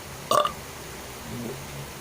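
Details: A deliberate burping performance: one short, loud burp followed by quiet room noise.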